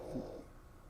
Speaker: Sorry about the dog snoring back there. You can hear it.